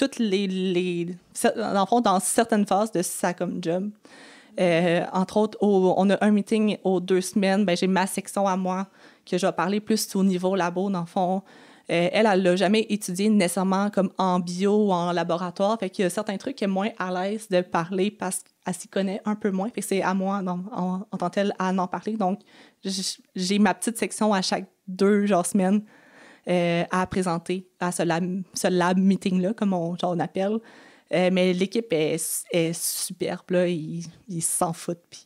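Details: Stuttering in an adult woman who has stuttered since age 6 and had four or five speech therapies in primary school, secondary school and university.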